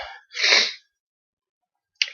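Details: An adult with a cold, cough and flu takes a quick in-breath, then gives a single forceful, hissing sneeze, then silence; illness-related sneeze.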